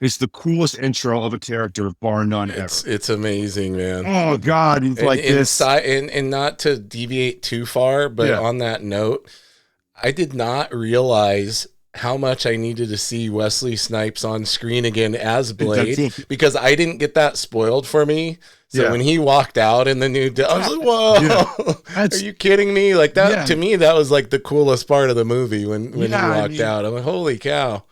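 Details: Adult male speaker; normal speech.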